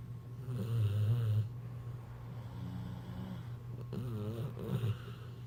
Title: Snore war